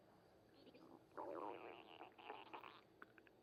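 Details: Bowel sounds (stomach rumbling), likened to a tabby's noise.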